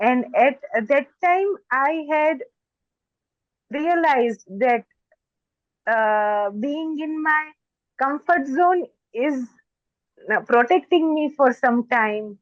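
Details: Stuttering in an adult woman who stammers and reports stammering more when excited.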